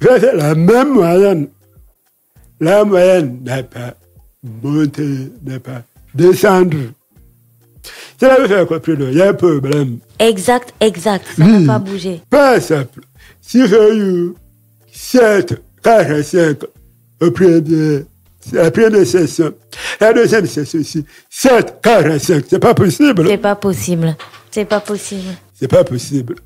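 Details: Deaf speech from a man who lip-reads and speaks French, with hearing loss caused by a childhood illness, which he says left his voice not normal.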